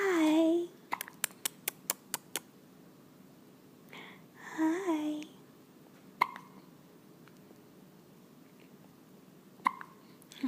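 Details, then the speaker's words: Brief vocal sounds from a child relaxing, then a couple of sharp, abrupt hiccups separated by quiet pauses in a small room; hiccups. "Oh, got some good hiccups. Just chilling."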